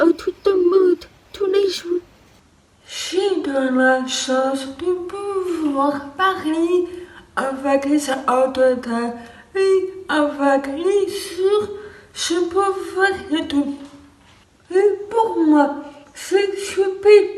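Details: Deaf or hard-of-hearing woman, one of a group of deaf friends with differing degrees of deafness, some with cochlear implants; she reports not understanding speech well: deaf speech.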